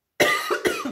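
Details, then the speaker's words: Adult woman with a cold coughing while talking: a quick run of short, harsh, closely spaced coughs; she says talking with her cold makes her cough. "Excusez-moi, je tousse, mais c'est de parler avec ma crève. Ça me fait tousser."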